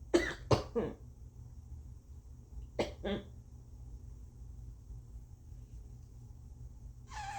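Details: Loose, phlegmy coughs with a moist rattle, about five in two clusters, with snotty nose blowing and coughing up phlegm; the person suspects a slight cold. Productive (wet) cough.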